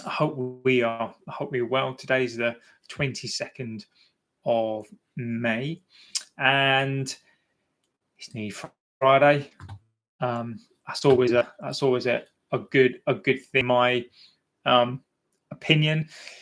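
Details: Adult man, 42, who has stammered for about 40 years, including repetitions, prolonged sounds and blocks; describes himself as a covert stammerer; stuttering.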